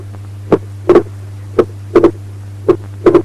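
Slow regular heartbeat, about 55 a minute, with a single first sound and a clearly split second sound.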